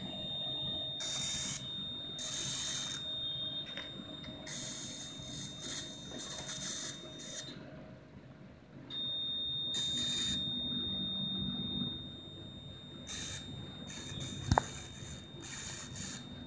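Steady high electronic tone from a laser unit, with repeated bursts of hissing as it fires during wart removal; room noise underneath.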